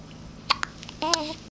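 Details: Child with hiccups: two brief, sharp hiccup sounds, then a short voiced sound from the child, with room hum in the background; hiccups.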